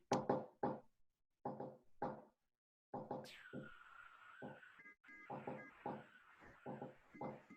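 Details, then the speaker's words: Classroom teaching audio of a fourth heart sound (S4), from atrial contraction and heard right next to the first sound; it is played just after a third heart sound example. "El cuarto ruido quedamos que estaba pegadito al primero, ¿no? Entonces, traten Sí. de escuchar bien. Tercer ruido se escucha así. ¿Sí? Cuarto ruido pegadito al primero se escucha así."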